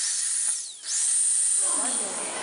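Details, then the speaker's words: Steady high-pitched whining hiss with a brief dip and pitch sweep from a dental drill used on a robotic training patient in Tokyo, Japan; dental drill. "we just got a bit more drilling to do and I'm enjoying this a bit too much"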